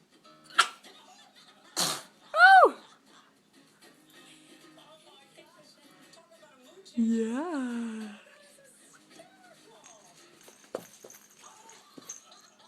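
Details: Infant girl sneezing in a quiet room: two short, sharp sneezes followed by brief high cooing sounds; ordinary infant sneezing.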